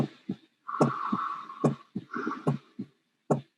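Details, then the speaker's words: Heart sounds at about 72 a minute with only a faint ejection systolic murmur of aortic stenosis, heard at a listening point away from the aortic area. "may hear a fun faint murmur at this point and let's see my tool area"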